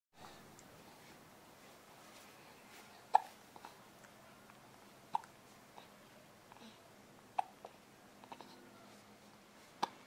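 Soft, sudden catches of breath repeat every two seconds or so in a quiet room; hiccups.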